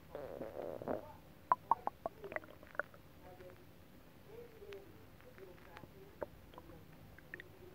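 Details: Stomach rumbling (borborygmi) after eating a whole pot of Japanese stew: soft gurgles with scattered bubbling pops from the belly, faint television in background; normal bowel sounds after a large meal.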